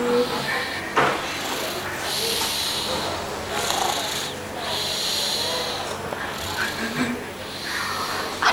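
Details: Soft, hissy, rhythmic snoring breaths from a sleeping baby girl who fell asleep after a spa baby massage; infant snoring.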